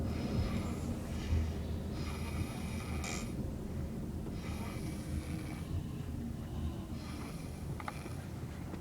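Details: Sleeping child snoring: steady rumbling snores with noisy rasping breaths about every two seconds over a constant low hum.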